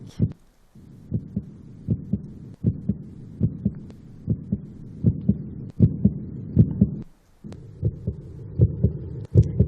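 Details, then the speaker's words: Heartbeat played to illustrate stress during feedback: brisk, regular lub-dub pairs at about 80–90 beats a minute, quickened by stress. "no wonder our heartbeat goes fast when we hear the word feedback this is a sound of someone receiving feedback and this is a sound of someone giving"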